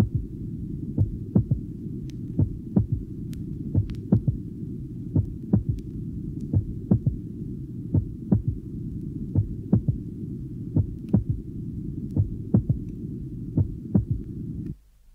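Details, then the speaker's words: Normal heart with a loud physiological third heart sound, recorded at the apex, where only A2 is audible so the second sound appears single. "listen again to the recording of The Normal Heart with the loud physiological third heart sound it is taken at the Apex only A2 is Audible and thus the second sound appears single at this"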